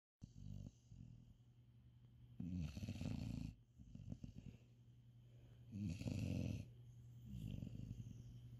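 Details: Deep, rumbling snores with a fluttery rasp, rising and falling with slow breaths; a cat sleeping in bed after a busy first day of Eid al-Adha, snoring.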